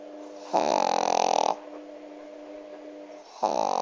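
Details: Dog snoring: a buzzing, nasal rattle on each breath roughly three seconds apart, with a steady hum in the background.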